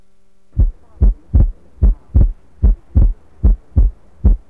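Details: Simulated heart murmur played during a cardiac auscultation training simulation.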